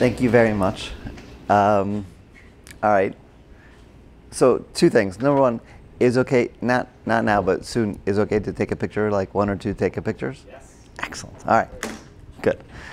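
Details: Broca's (expressive) aphasia in an adult man, a former paramedic, caused by a stroke during heart surgery in 2007, about 10 years earlier; difficulty with names, numbers, reading and writing; had speech therapy, OT and PT after the stroke.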